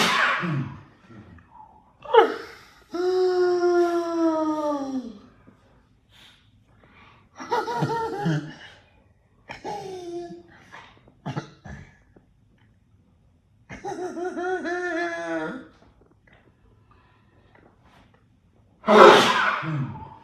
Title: Birthday Countdown #18: The Sneeze that Never Ends In Low Voice